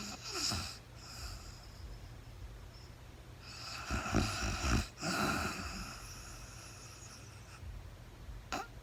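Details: Real-time sleep recording of a woman snoring, no talking: irregular rough snoring breaths with quieter stretches between over steady low room hum; ordinary sleep snoring.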